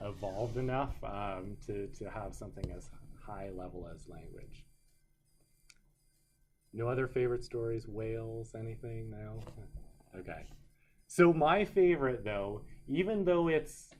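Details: Adult male lecturer; normal speech.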